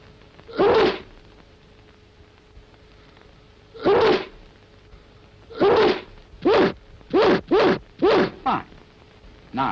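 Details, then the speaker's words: Simulated sneezes acted by a man in a 1946 public information film on handkerchief use to stop disease spread: about nine short voiced bursts, spaced then rapid, between instructions to sneeze into handkerchief. "that's all right but here's another way of using your handkerchief. Now sneeze."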